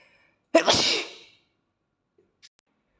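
A single explosive, breathy burst with a short rush of air, then quiet: a child's sneeze.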